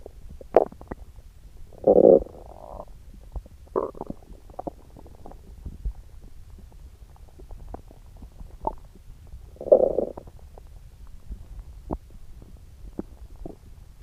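Gurgling, rumbling bowel sounds in irregular bursts with clicks between, typical of active stomach growling.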